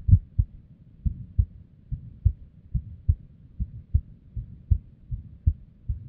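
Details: Female's unstable resting heartbeat: low thumps with uneven spacing and varying strength, some beats early or paired; irregular heartbeat with abnormal beats.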